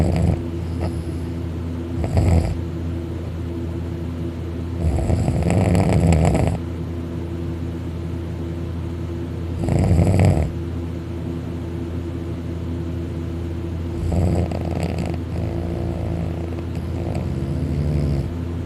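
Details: Man napping on his back on a couch, mouth open, drooling: loud, rough snores with each breath, about 15 a minute, over a steady low hum; heavy snoring.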